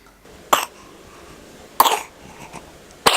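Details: Infant with a cough and runny nose/cold, recorded at home, giving three short, sharp cough bursts over about three seconds.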